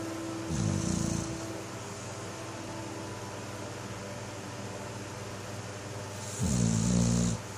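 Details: Two deep, rattling snores about six seconds apart, roughly ten breaths a minute, over soft background music; ordinary snoring.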